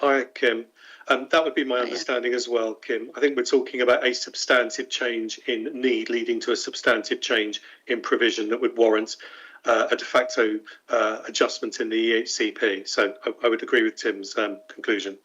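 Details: Adult speaker in a meeting; Normal speech.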